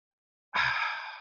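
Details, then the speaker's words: Vocal imitation of the early diastolic murmur of aortic regurgitation: a breathy, aspirative, fading decrescendo whoosh, likened to liquid running down the esophagus. It does not coincide with the pulse wave. "Igualito suena el soplo diastólico ahora. Entonces, el soplo aspirativo indecrescendo es así suena."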